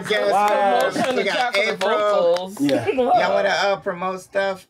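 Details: Adult speaker; normal voice.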